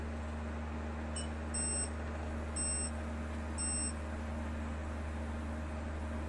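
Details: Three high-pitched beeps over a steady low machine hum from an 808 nm diode laser hair removal machine.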